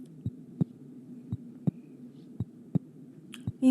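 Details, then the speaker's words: Heartbeat heard through a homemade stethoscope (funnel with balloon over the heart on the chest, hose to a funnel at the ear) in a school physics experiment: regular paired low thumps, about 57 beats a minute, faint room hum. "maestra puedo escuchar mi corazón"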